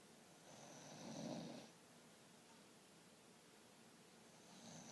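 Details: Snoring in sleep: a single soft, rattling snore on an in-breath, then quiet breathing as the next begins; snoring.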